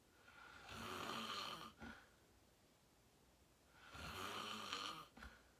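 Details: Loud snoring in deep REM sleep after falling asleep fast around 8:45; two long, harsh snoring breaths, each ending in a short snort, separated by a quiet pause; sleeper tags possible sleep apnea.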